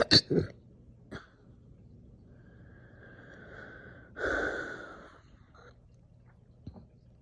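Two sharp hiccup bursts, then a few seconds later a longer, drawn-out voiced belch; forceful hiccups with burping.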